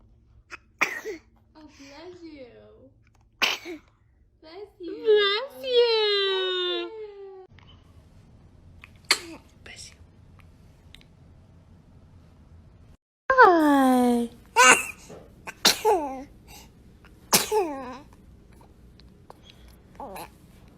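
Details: Baby sneezing, from a compilation of infant sneezes: several short sneezes with fussy vocal sounds between them, adult nearby saying "bless you"; ordinary infant sneezing.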